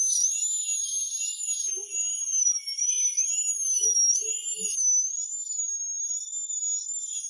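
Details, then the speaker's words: Dental drill opening the pulp cavity after repeat anesthetic injection next to the tooth, during root canal treatment of necrotic pulp: high-pitched wavering whine running steadily; dental drill. "Now, you need to open the pulp cavity with a drill."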